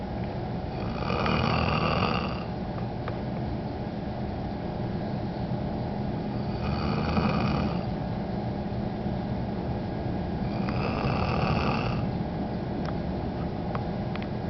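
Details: Person snoring while waiting in a line: three rattling snores over about 14 seconds, roughly 12 breaths a minute, over a steady low background rumble.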